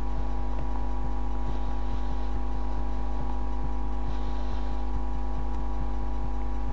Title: My first heartbeat recording...i'm a virgin!